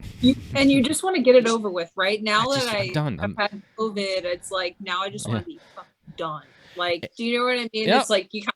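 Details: Adult woman speaking; normal voice.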